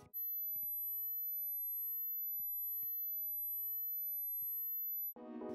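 A steady, very high-pitched pure tone holds for about five seconds, a 12 kHz hearing-test tone, with faint clicks and music starting at the end.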